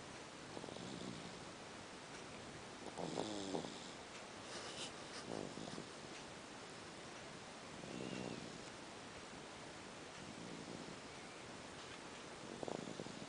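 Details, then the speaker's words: Baby boy asleep snoring: soft, faint snoring sounds, irregularly spaced against quiet room noise. "Listen to my baby. He's snoring. Like father, like son."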